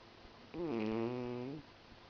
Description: Our pretty, fancy lady Tiuku snoring while sleeping.